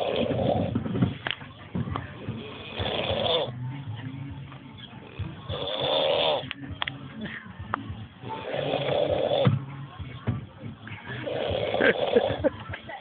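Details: Seal snoring: loud, rasping snores repeating about every three seconds (roughly 20 breaths a minute), with faint talk and music in the background.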